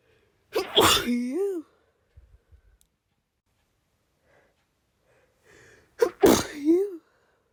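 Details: Nonstop sneezing fit from hay fever; two forceful voiced sneezes a few seconds apart, each with a sharp intake and explosive release. Touching or blowing the nose triggers another fit.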